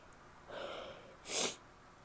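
A breathy inhaled build-up followed by one sharp, wet, hissing sneeze burst in a quiet room.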